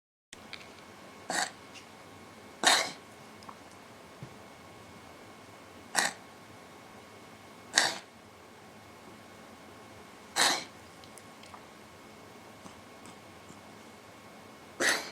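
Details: A 2-year-old female cat gives six short, harsh, wheezy cough-like expulsions at irregular intervals during an asthma attack (not a hairball). She was later treated with a daily inhaler. This is a feline asthma cough.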